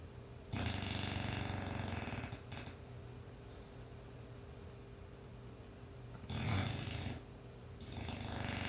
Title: Snoring English bulldog